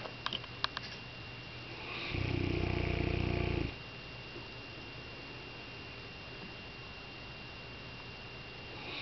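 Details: Saint Bernard dog snoring while asleep, possibly dreaming: a single loud, rattling snore about a second and a half long with a low fluttering buzz, in a quiet room with a faint steady tone.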